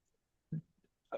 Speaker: If you can hear snoring, I apologize. I think the Shihuahua is having a very good afternoon.